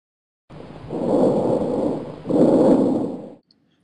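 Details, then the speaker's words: Normal tracheobronchial breath sounds heard with the stethoscope diaphragm close to the midline of the back: loud and high-pitched, expiration slightly louder and longer, with a pause between inspiration and expiration. "Trachob bronchial sounds are loud and high pitched with expiration being slightly louder and longer with a pause between inspiration and expiration."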